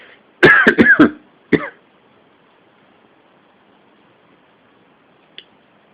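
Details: Coughing fit at the start of a cold a few weeks earlier, the worst it got: a rapid run of four harsh coughs, then one more cough and quiet.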